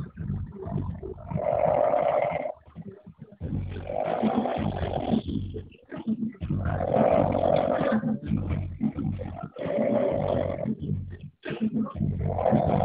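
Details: Binho snoring, with background music: loud, rough, rattling snores recurring every few seconds, one with each breath, with quieter gaps between; heavy snoring.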